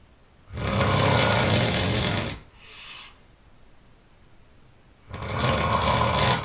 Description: OMG I can't believe I can snore so loud.